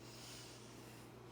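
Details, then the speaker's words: Student nurse's head-to-toe assessment of an adult patient born 1995: patient plugs one nostril and breathes, steady airflow with brief sniff through the open nostril; nostrils patent, normal nasal breathing, sinuses non-tender. "okay so i'm going to have you plug one nostril and breathe"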